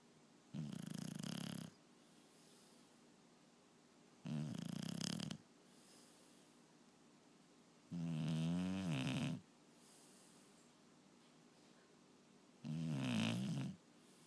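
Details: Four snoring breaths, about 15 a minute, some rough and buzzing, some with a wavering tone, separated by quiet pauses; snoring during sleep.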